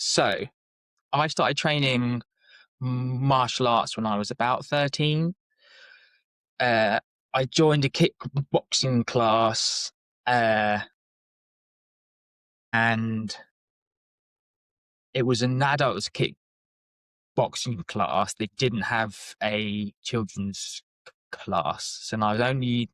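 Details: Adult man with lifelong stuttering (speech stammer since childhood), self-described as not too severe; blocks and repetitions; stuttering.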